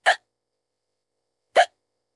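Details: AI-generated female voice of someone in bed unable to fall asleep, with hiccups for about 15–20 minutes: two short, abrupt voiced gulps about 1.5 seconds apart with silence between, interrupting speech; hiccups.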